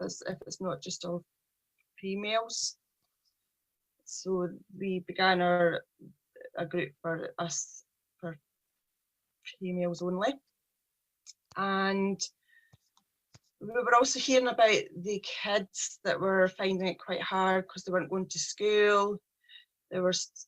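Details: Stuttering (stammering) in a 43-year-old woman, a speech problem present since age three, with her speech journey beginning in 2018; a person who stammers.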